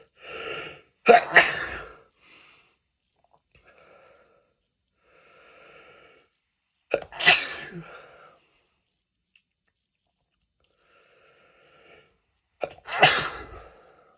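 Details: Three forceful sneezes, each with a sharp in-breath before it, and quiet sniffling between them. This is repeated sneezing during a cold, after going through many tissues.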